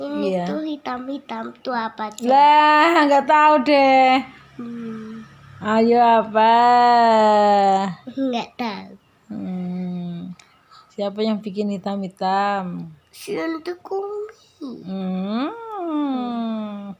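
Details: Young child and adult talking; ordinary conversational speech.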